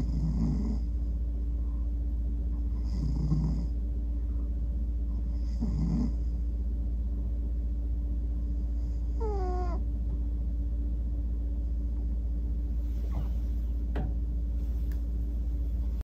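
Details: Short horn-like snorts about every three seconds over a steady hum from a male cat falling asleep and fidgeting as he dreams; snoring.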